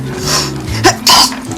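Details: One loud, sharp, acted sneeze in a Russian TV drama scene, with background music and talk; simulated sneeze.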